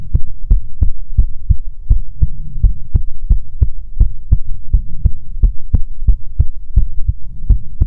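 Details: Heartbeat recorded for ASMR relaxation: steady, regular low thumps at about 135 a minute over a soft hum; normal-sounding heartbeat.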